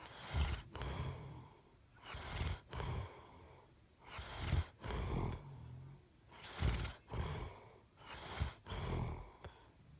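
Deep, rough, low rattling breaths during sleep, about 15 breath cycles a minute, with noisy inhalations and exhalations: snoring.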